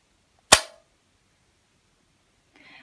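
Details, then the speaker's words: Person with diabetes applying a new Abbott FreeStyle Libre glucose sensor to her arm: a single sharp, loud click as the spring-loaded applicator fires the sensor in, followed by quiet. "okay so now I'm going to attach the sensor it just involves pushing the applicator into my arm and you'll hear the"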